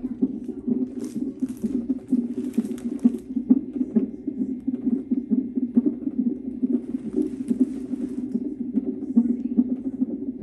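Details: Fetal heartbeat at 34 weeks 5 days of pregnancy, recorded during a nonstress test (NST) in a mother with frequent contractions: rapid rhythmic whooshing pulses at about 133 per minute over steady monitor hiss, within the usual fetal range.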